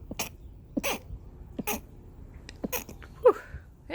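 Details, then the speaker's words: Human volunteer sneezing near a shy shelter cat: several short, sharp bursts of air with a louder explosive burst near the end. "Oh my gosh, look at this man. Look at this big baby boy. I have to sneeze."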